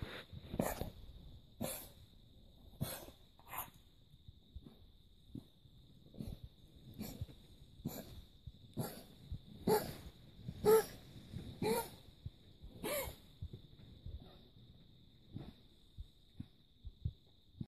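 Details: A German Shorthaired Pointer gives repeated harsh, honking coughs in bursts; kennel cough.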